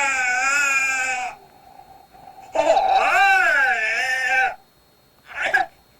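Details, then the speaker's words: Newborn tired (sleepy) cry: drawn-out, open-mouthed 'ah' wails with the mouth opened wide as in a yawn, plus a short whimper. "졸린 아기 들어봤습니다 이불 크게 벌리면서 소리는 아 하고냅니다"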